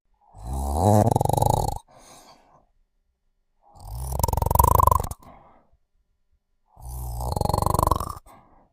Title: Sleeping & Snoring